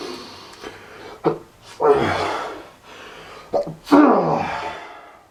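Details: Loud, repeated sneezing from allergies, which the sneezer suspects are due to pollen or something similar.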